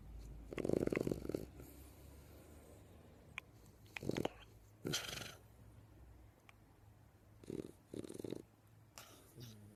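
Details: Sleeping dog in deep sleep: irregular rumbling snore bursts with quieter breathing gaps and a few sharper snorts: snoring.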